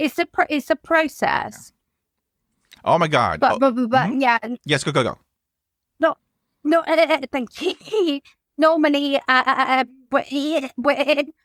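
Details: Adult woman whose childhood stammer recurred after her mother's suicide and six months alone in lockdown; she reports blocks and is in speech and language therapy; stuttering.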